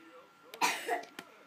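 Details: Adult man in bed with a cough: a single harsh cough burst with brief noises before and after.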